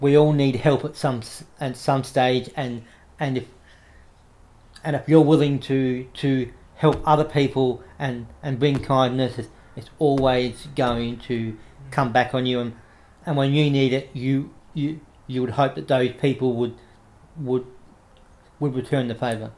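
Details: Adult man with cerebral palsy since infancy affecting right arm and leg, who reports a stutter he tries to control by calming down; stuttering.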